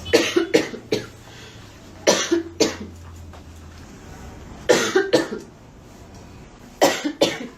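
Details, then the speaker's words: A woman apologizing for her persistent cough gives bursts of two or three harsh coughs, about ten coughs in total, with quiet room noise between them. "Nossa, gente, você desculpa pel essa tosse, mas tá osso."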